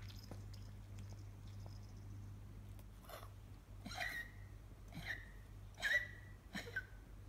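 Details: 9-year-old 5.5 kg female miniature poodle diagnosed with congestive heart failure, also breathing difficulty, panting, swollen belly, bluish-grey gums; about five harsh, honking coughs in quick succession: excessive cardiac cough.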